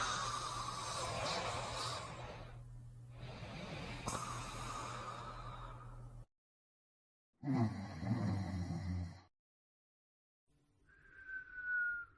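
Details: Cartoon, not real: Beethoven character's loud rasping snores alternating with a whistled out-breath, a comic sound-effect imitation of snoring.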